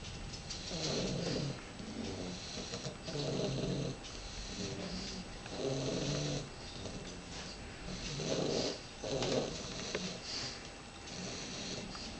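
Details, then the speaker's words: Two sleeping English bulldog puppies snoring: rough, rattling snores in irregular overlapping bursts, about 25 a minute, over steady room noise. "all that noise out of two little babies."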